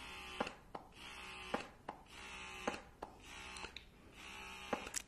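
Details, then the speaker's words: Bellababy wearable cordless breast pump running in normal stimulation mode, stepped through its levels: buzzing motor hum cycling with sharp clicks about once a second; owner notes it is very loud. "so as far as how the pump works um so i will turn it back on for you hold it down for three seconds it is on"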